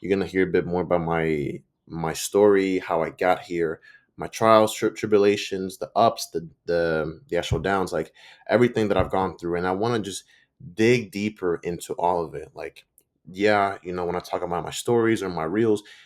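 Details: Stuttering in an adult man who reports that he stutters and sometimes mispronounces words; his own spontaneous speech, with word and part-phrase repetitions.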